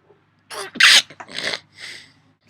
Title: watch me sneeze